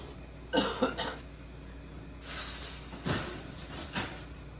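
An adult gives a couple of short coughs, then clears the throat with rough, scraping bursts.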